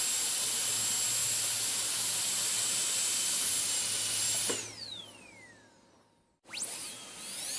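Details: Dental drill recording switched on and off, made as ASMR sleep sounds: a high steady whine winds down, goes silent, then starts again.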